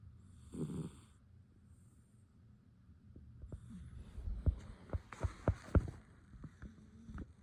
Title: Wild Hibernating Bear caught snoring!